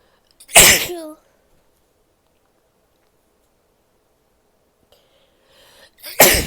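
Two sharp, explosive sneezes about five seconds apart, the second preceded by a brief inward breath, in a quiet room.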